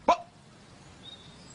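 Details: Acted film scene: a man with Tourette syndrome, interviewing for a teaching job, makes repeated vocal tics.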